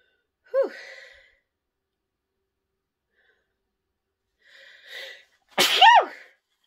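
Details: Woman sniffing pepper to bring on sneezes, then honking nose blows to clear her sinuses: a voiced sneeze, a pause, an audible breath build-up, then a second loud sneeze with a rising-falling vocal cry.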